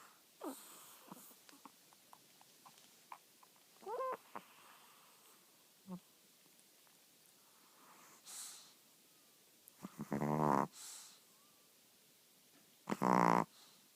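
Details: Old female chihuahua that sleeps with eyes open; her snoring grows louder through the night. Soft snorts and squeaks build to loud, rattling, buzzing snores, like a car without a muffler.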